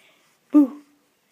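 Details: Newborn's hiccup: a single short, sharp voiced hic.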